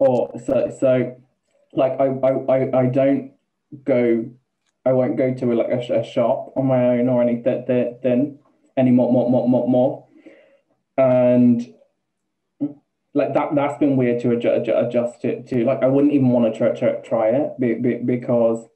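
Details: Man, 28, with Tourette syndrome beginning about two years ago, with involuntary swearing, repeated words and a stammer he never had before: stammering (repetitions) with Tourette syndrome.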